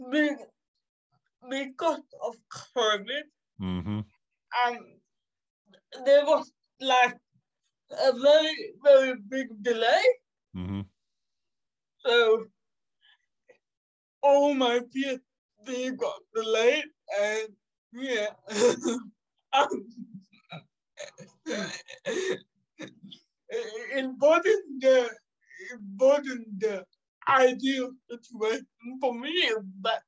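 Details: 27-year-old woman with cerebral palsy caused by severe neonatal jaundice; in childhood doctors said she would never walk or talk; she says she sometimes speaks and moves differently. Dysarthria (cerebral palsy)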